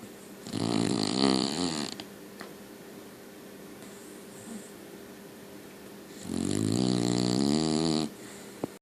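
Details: Puppy asleep: two long, loud, fluttering snores about five seconds apart, with quiet breathing between; steady snoring during sleep.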